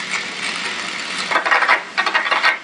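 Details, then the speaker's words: Microelectrode recording during deep brain stimulation surgery for dystonia: steady hiss with bursts of rapid crackling pops as cells in a tactile area fire. "the following videos show how microelectrode recording can be used to localize these movement responsive nerve cells when in the surgical setting you can hear the cell firing and I move the wrist"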